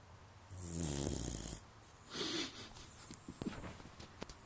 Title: My boxer 'Bane' snoring while sleeping